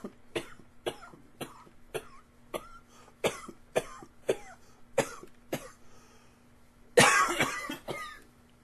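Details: Repeated coughing: a run of about a dozen short, sharp coughs in quick succession, ending with one louder, harsher cough.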